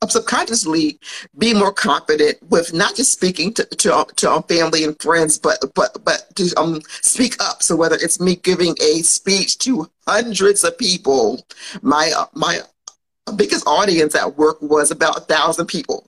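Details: Adult woman who has stuttered since childhood and still stutters, mildly enough that many listeners would not notice, after speech therapy in grades 2–5 and middle school; real, spontaneous podcast speech; stuttering.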